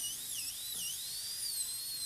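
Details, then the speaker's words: High-speed dental handpiece cutting into the lingual embrasure of a maxillary canine for a PFM crown preparation on a typodont model, keeping a uniform chamfer; high whine dipping and rising as the bur cuts. "Now I'll go ahead and cut into the lingual embrasure. We'll switch burrs to cut through the possible contact here, but we'll try to make sure we keep a uniform chamfer and a uniform taper as much as we can."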